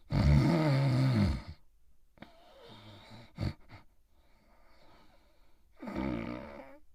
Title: Itchy Itchiford Sleeping & Snoring in his Bed